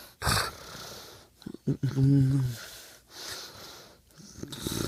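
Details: Man snoring during sleep, recorded at night: loud, rough breaths with a brief, whistling, tonal snore in between.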